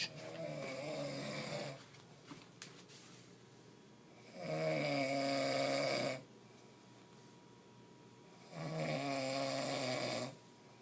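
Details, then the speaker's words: Man snoring at 4:30 am in a shared room: three loud, harsh, rattling snores on the in-breath, about 15 breaths a minute, with quiet pauses between: heavy snoring. "he could wake up the dead he'd wake up to death with that snore that's not fair"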